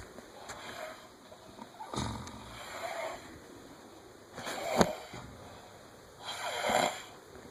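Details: Two people snoring together: rough, noisy snores recurring about every two seconds, roughly 30 a minute, over steady background noise; snoring.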